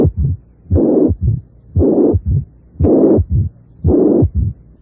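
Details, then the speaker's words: Mitral regurgitation with a third heart sound and a short mid-diastolic flow rumble beginning with S3, without any mitral stenosis. "si la insuficiencia mitral es relativamente grave suele haber un tercer ruido cardíaco figura 6to areces debe ocultarse un retinto mes o diastólico corto que comienza con el tercer ruido cardíaco sin que exista estenosis mitral alguna figura 7"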